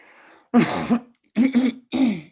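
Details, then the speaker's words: Adult with a mild asthma cough, tested negative for infection, during an online meeting: three short, harsh cough bursts. "I have a little asthma cough here, so at least I know you can't catch anything."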